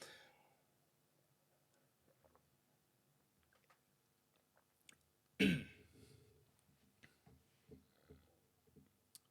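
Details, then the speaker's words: One sharp, loud isolated cough with faint throat noises and soft clicks in a quiet room, from an adult who is still slightly sick and not fully recovered from an illness. "oh excuse me I'm still slightly sick I'm sorry so you'll hear me cough a little"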